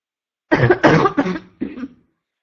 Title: constant barking cough 3 (f)